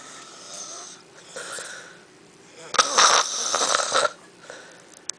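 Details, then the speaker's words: Sleeping man snoring and drooling, recorded from close up: loud, rough, fluttering breathing that rises to a harsh rattling stretch near the end. "You look so comfy. You're close again, that's real loud."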